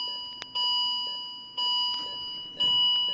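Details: M3046A Viridia (M3) patient monitor in demo mode with simulated data, running an alarms test: repeating high electronic alarm tones, about one a second, over steady pure tones.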